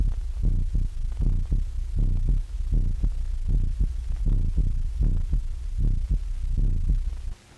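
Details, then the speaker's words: Electrical stethoscope demonstration in a 1929 animated cartoon: repeated low throbbing heartbeat thumps, about 78 a minute, somewhat uneven, heard through the stethoscope so a whole room of students or consultants can listen at once. "A whole room full of students or consultants can now listen to the same heart or body sounds at the same time, thus receiving a simultaneously accurate record of all sounds, whether of high or low frequency, without undue fatigue to the patient."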